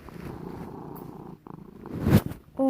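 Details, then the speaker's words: Cat snoring while apparently asleep with an eye open: a low, rattling rumble, then a louder noisy breath. "why are you snoring so loud I'm sleeping I see your eye open and snoring"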